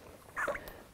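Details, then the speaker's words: Kennel cough in a 3-week-old female mini Australian labradoodle puppy: one brief, soft cough ending in a faint sad squeak, less bronchial-sounding, with some tracheal congestion. "and she's doing some coughing right now so it's a good chance for you to just see what it's like when they cough"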